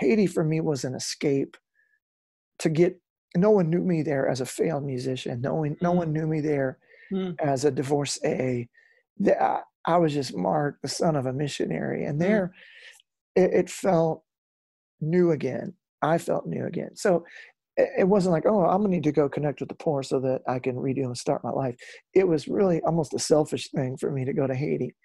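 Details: Adult male rock lead singer whose spasmodic dysphonia began at his career peak, first taken for hoarseness; incurable, doctors could not fix it, still audible today; spasmodic dysphonia.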